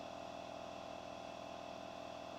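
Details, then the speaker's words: Nebuliser compressor running during a sodium chloride nebuliser and chest physio for a young boy who breathes through a tracheostomy, given after his medicine and milk. Continuous droning motor hum without pauses. "He's had medicine, he's had his milk, and now he's having his having his nebulizers and his physio done."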